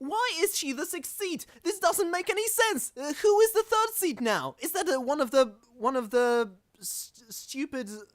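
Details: Real stuttering in a self-described stammering podcast host.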